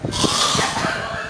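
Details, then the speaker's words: Adult man imitating his own snoring: short burst of rough, pig-like snorting grunts over hissy background noise. "la costumbre el ronquido Cómo que lo hace Cómo ronca cómo roncas"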